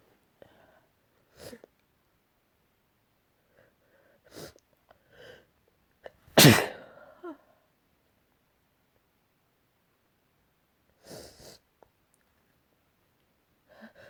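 Quiet breaths and short sounds around one loud, explosive sneeze, then a few softer snorts in a quiet room.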